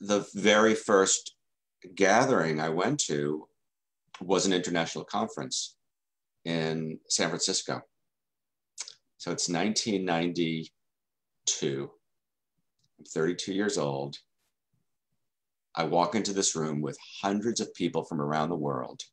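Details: Stuttering in an adult man who has stuttered since childhood.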